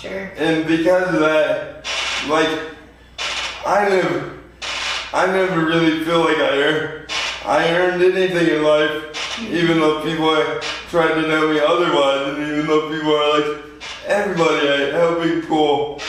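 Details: 24-year-old man with lifelong spastic quadriplegic cerebral palsy following premature birth at 2 lb 4 oz; dysarthria (spastic, cerebral palsy).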